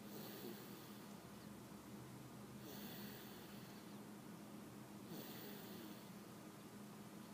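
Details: Snoring: soft, rhythmic, rasping snores about every 2.5 seconds over a steady background hiss.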